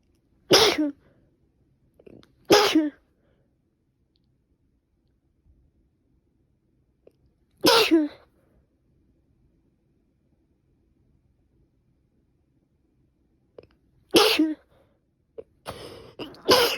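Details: Woman with repeated morning sneezing after waking, later stuffy nose: four sharp, explosive sneezes separated by quiet pauses, then sniffing and breath noise; repeated sneezing.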